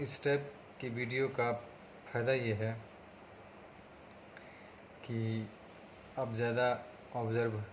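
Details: Stuttering in an adult man speaking Hindi, on day 37 of speech therapy for his stammering, with improvement noted across speaking situations.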